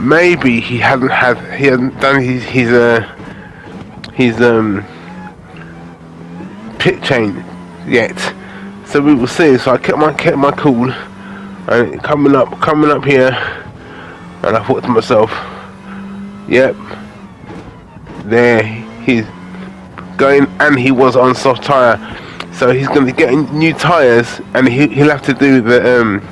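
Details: Adult man with aphasia following a major stroke in August 2013, doing spoken gaming commentary as speech practice; aphasia.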